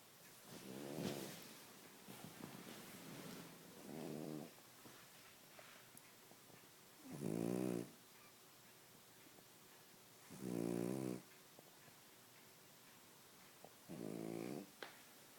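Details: Five rhythmic, buzzy snores on inhalation, roughly 19 a minute, with quiet breathing between them in a small room; snoring.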